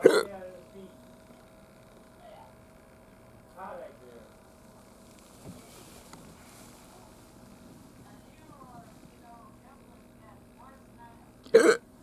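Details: Hiccups the person attributes to eating too much or swallowing too much air: two sharp, abrupt vocal bursts about eleven seconds apart over quiet room noise with a faint steady tone.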